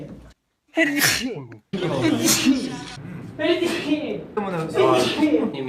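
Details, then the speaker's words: K-pop idol sneezing during a lively variety-show moment; a sudden sneeze amid chatter and a startled gasp, as Yeri slaps the desk. "재채기를 했고 예리 양이 책상을 탁 치면서 아이쿠야 빵 이랬어요."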